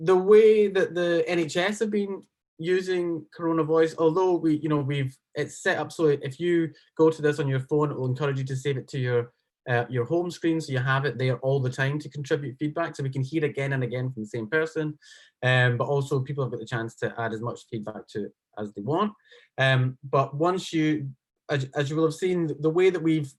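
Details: Adult speaker; ordinary speech.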